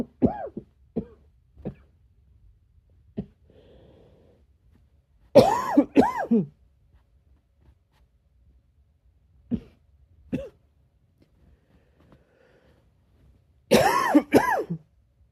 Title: A quick breathy cough